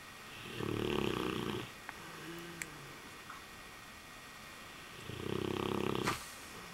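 Two loud, rough, buzzing snores about four seconds apart, with quiet breathing between them. Ordinary snoring.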